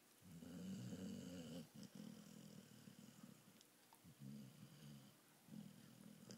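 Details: Pitbull female snoring while awake with her eyes open, making low, rumbling, fluttering breaths in quick repeated bursts.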